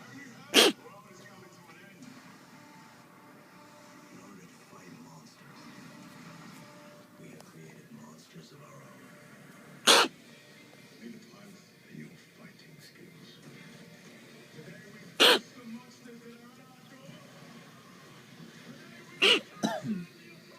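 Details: Kitten makes about five short, sharp bursts over quiet room noise; owner unsure whether coughing or sneezing.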